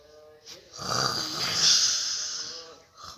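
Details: A single long, harsh, hissing snore of about two seconds from a sleeping father, faint voices in background; snoring.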